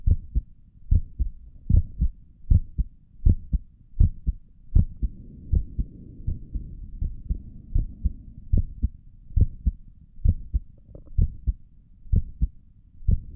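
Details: ASMR recording of a resting adult's heartbeat through a stethoscope on the chest: steady, regular low thumps at about 80 beats a minute with faint hum. Normal heartbeat.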